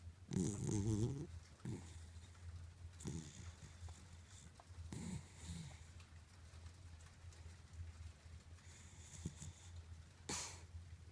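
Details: In deep sleep, snoring lightly: soft, snorting snores with rattly breaths over a steady low hum.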